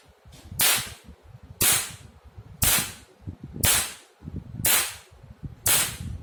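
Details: Sharp regular snapping pulses about once a second, six in a row, from a 1064 nm laser handpiece test-fired on a multifunction OPT/RF/laser machine, for dark pigment and tattoo removal.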